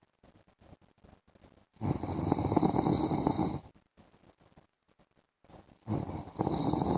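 Two loud, rough, rattling snores about four seconds apart, with quiet breathing noise between them.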